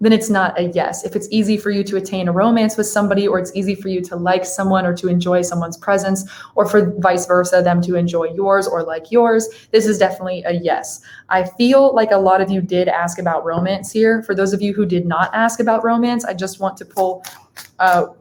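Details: Adult woman; Typical speech.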